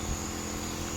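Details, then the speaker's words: Home nebulizer compressor just plugged in and switched on during a setup demonstration, not yet in use on a patient: steady low motor hum with a faint high whine. "ഇത് ഈ സൈഡിൽ ഇങ്ങനെ കുത്തിയിട്ട് plug ദാ ഇങ്ങനെ ഓണാക്കി"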